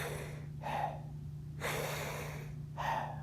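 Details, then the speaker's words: Normal vesicular breath sounds over the lung on stethoscope auscultation: soft, rustling noise rising and falling with each breath, contrasted with tubular breath sounds heard in neonatal respiratory distress syndrome. "normally when we put a stethoscope on the lung we do not hear tubular breasts down we hear vesicular breast cells they sound like this"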